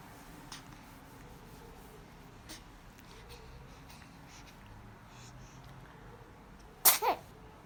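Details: Infant girl, asked to smile, yawns and then gives one sharp, high-pitched sneeze with a brief double burst in a quiet room; an ordinary sneeze.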